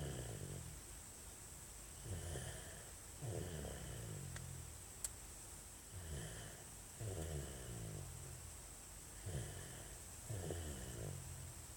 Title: Baby snoring